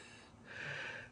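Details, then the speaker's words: Former 9/11 landfill debris worker with damaged lungs (lung capacity 59%, heart pumping at 36%), on about 20 pills a day and three inhalers, constantly winded while talking: labored breath with a faint whistling. Wheezing. "as you can hear me wheezing um I'm on a lot of medication I have you know approximately 20 something pills a day three inhalers"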